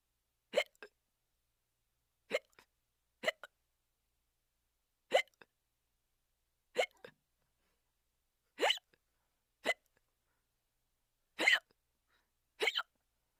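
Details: Sheep with hiccups: nine short, sharp hiccup-like sounds at irregular intervals over about 13 seconds.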